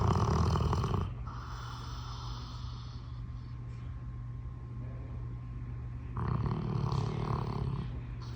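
Loud, rough, rattling snores in long bursts from a sleeping dog, with a quieter stretch between.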